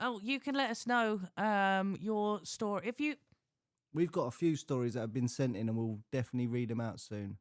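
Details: Adult speaker; normal speech.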